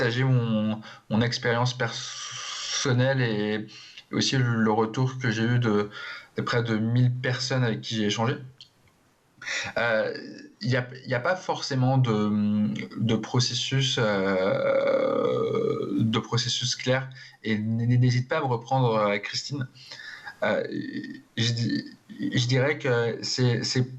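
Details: Adult man who stutters, speaking in a TV interview, with audible repetitions of words and syllables; stuttering.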